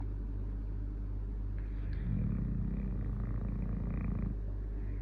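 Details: A sleeping female Staffordshire terrier gives a low, rumbling snore with a buzzing, fluttering quality over a steady background hum. Dog snoring.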